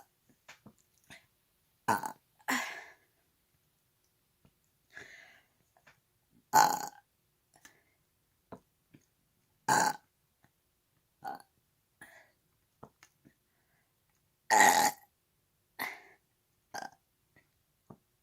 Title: Big burps 2